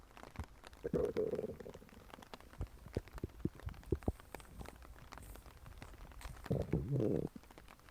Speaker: So today we are going to be doing another stomach grumbling